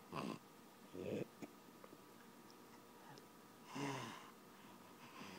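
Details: A sick 17-month-old toddler with stridor makes harsh, high-pitched, crowing breath sounds from a narrowed upper airway.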